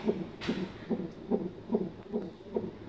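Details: Fetal heartbeat of the baby on Doppler: rapid, regular whooshing pulses at about 145–150 beats a minute, within normal range; fetal heart tones.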